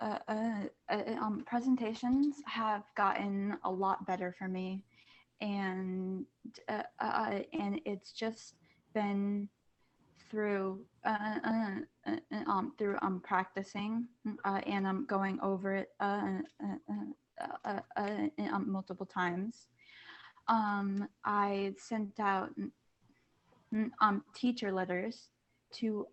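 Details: Female high school junior who stutters, on a panel of people who stutter; part-word and whole-word repetitions and filler words while introducing herself. Stuttering.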